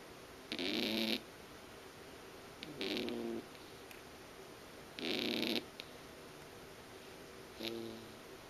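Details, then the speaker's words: Pigeon with a breathing problem during the current weather: four loud, raspy, hissing breaths about half a second long, roughly 27 a minute; labored breathing from respiratory disease. "कबूतर जो ज़ोर ज़ोर से सांस लेता है वो क्यों होता है और इसको किस तरीके से ठीक किया जाए, इस बारे में बात करेंगे।"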